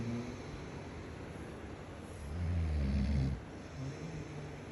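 A deep, low rumbling snore rising and fading over about a second, with steady background hum; ordinary snoring.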